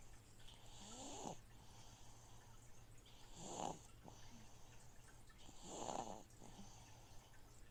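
Soft, rhythmic snoring, three snores about 26 a minute, over the steady hum and trickle of a fish tank filter.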